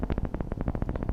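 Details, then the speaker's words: Needle electromyography on a volunteer, Neuro-MVP micro device, muscle contracted at medium effort: normal interference pattern within the middle of normative range. "и мы с вами видим вот эту скоторую грамму в середине нашего норматива так то есть это был среднее напряжение"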